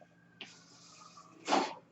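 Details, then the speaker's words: A soft steady airy hiss over faint hum, ending in a brief louder puff of air: the breath cycle of the speaker's own mechanical ventilator during his podcast. "That noise you're hearing is my ventilator, and welcome to Page Turners They Were Not, my Star Wars podcast."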